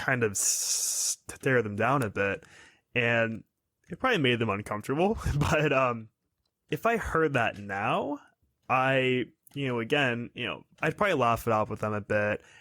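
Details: 22-year-old man who has stuttered all his life, with fluency varying over weeks and months; uses soft contacts, prolongation and easy onset; stutters less when tired or stressed; stuttering.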